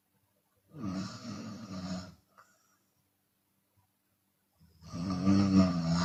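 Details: Chinese woman snoring with open mouth, sometimes on exhalation: two long, loud, rough snores with a harsh, fluttering tone, separated by a quiet pause; open-mouth snoring.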